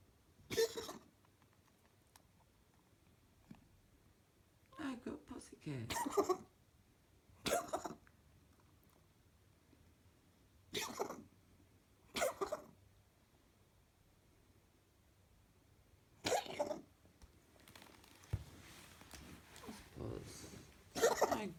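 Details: Female cat's coughing episode, which happens only at night and after which she seems fine: repeated short, harsh, broad coughing bursts in small clusters with quiet pauses between.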